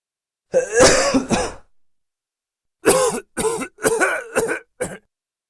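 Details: Acted sound effect of a man's dry, forced cough: a long throaty hack, then five short dry coughs with no mucus rattle.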